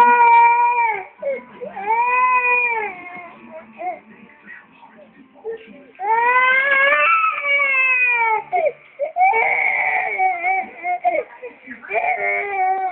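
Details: Loud, high wailing cry in long rising and falling bursts, with brief breaks for breath and faint music behind.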